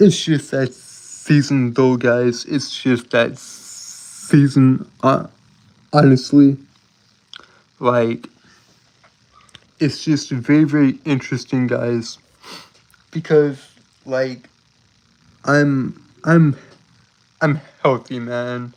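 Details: Stuttering in an adult male streamer who says he has a speech impediment that makes him stutter and trip over his words; finding: stuttering.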